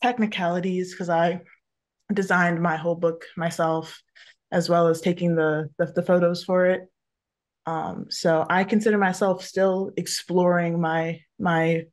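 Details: Adult woman who stutters, a photographer, speaking on a panel about careers for people who stutter; multiple word repetitions are audible; stuttering.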